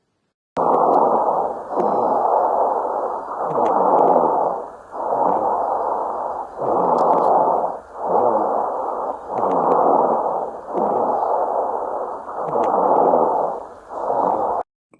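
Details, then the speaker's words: Loud, harsh, high-pitched noisy breaths repeating about ten times, heard on inspiration; stridor, a high-intensity inspiratory noise from blockage at the throat or larynx, where narrowing of the extrathoracic upper airway increases turbulence. "ruido de alta intensidad escuchado en la inspiración se manifiesta cuando hay un bloqueo a nivel de la garganta o laringe generado ante el aumento de la turbulencia en la vía aérea proximal extra torácica cuando disminuye su diámetro"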